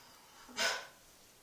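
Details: A single short, hissing burst of air with a quick build and fade from a person sneezing in the bathtub; one sneeze.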